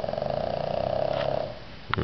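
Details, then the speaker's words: Snoring from a chunky pug asleep in the evening after being tired out at the river: a steady, low, rattling buzz through one long breath, then a short sniff. The owners say he is having a little trouble breathing. "so this is what our chunky pug likes to do in the evenings apparently we tired him out under at the river now he's having a little bit of trouble breathing"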